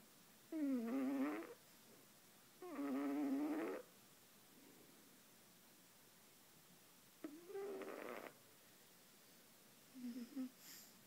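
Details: Sleeper after a long day, snoring loudly but delicately: low, rattling inspiratory snores, irregular, with quiet gaps between them; ordinary snoring.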